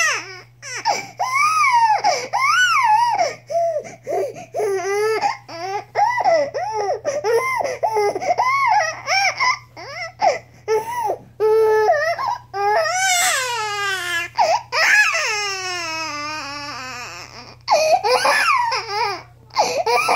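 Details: 4-month-old infant fussing and crying in short high-pitched wails, with one longer falling cry near the end; infant cry.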